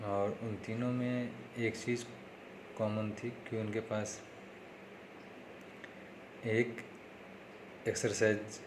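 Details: Male with self-reported stammering, following speech therapy tips in a daily practice series, day 3; stuttering.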